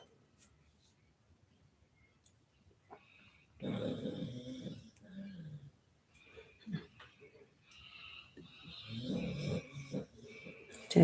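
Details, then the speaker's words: Snoring heard in the background during a live guided meditation session. "I've got Zelda here, and you can hear. I can hear her snoring."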